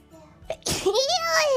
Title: SNEEZE SYNC & DOUBLE SNEEZE COLLAB